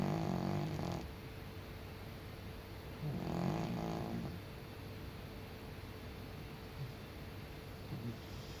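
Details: Senior cat snoring while asleep: soft, low rumbling snores on two breaths over a steady background hiss.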